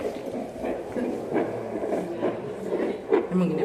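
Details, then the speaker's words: Fetal Doppler calibration demo, probe placed on an adult's left chest rather than a pregnant abdomen: rhythmic whooshing heartbeat pulses through the handheld Doppler. "Oh, tuh kayak tadi Ros ada bayinya, ada jantungnya."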